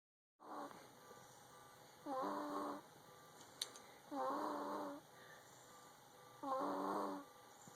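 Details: Sleeping pet snoring because he has a cold: three slow, rattling snores about two seconds apart with quiet pauses between.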